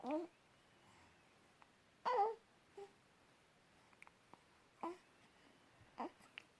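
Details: Infant hiccups: about five brief, sudden voiced catches at irregular intervals, with faint clicks in a quiet room.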